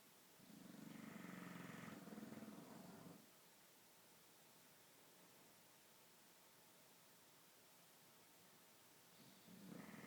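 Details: Bulldog snoring: a soft fluttering snore on each breath in, with a quiet hiss between breaths.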